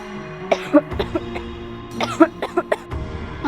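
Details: Acted short-drama scene of a wife with an illness: two runs of short, dry coughs, about eight in all, over steady background music; a simulated plain cough.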